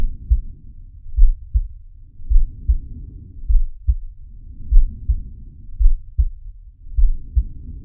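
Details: Animated cartoon sound effect of Sharky's heartbeat and breathing: low, regular paired heartbeat thumps with soft breath sounds rising and falling underneath.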